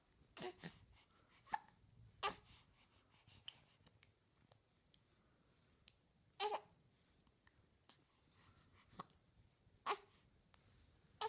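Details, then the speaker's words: Little girl with hiccups, unhappy about them; hiccups. "oh no no hiccups those are rotten okay we're GNA get rid of those hiccups yeah"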